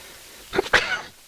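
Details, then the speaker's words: Single adult sneeze caught live on a streaming microphone: a short in-breath, then a sharp, explosive burst of air and voice. "Sorry about that. I got a live sneeze. Whoa! That's never happened. I can't mute my mic in time. If you guys wonder what it sounds like when I sneeze, there you go."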